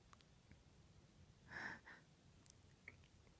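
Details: Female, uncovered sneezes: a quiet breathy burst with a short follow-on puff, a soft, stifled-sounding sneeze in a quiet room, among a series of 'achoo' sneezes.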